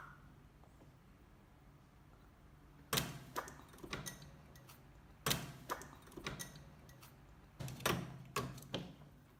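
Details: Pet male rabbit suddenly grunting and rubbing his nose, owner unsure why: three clusters of short, sharp nasal snorts and sneezes with quiet gaps; repeated sneezing and snorting.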